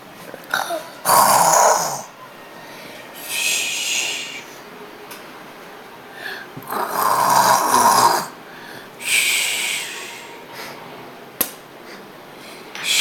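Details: A child imitates snoring while trying not to laugh, with rough, rattling inhaled snorts and breathy exhales at about ten breath cycles a minute; imitated snoring.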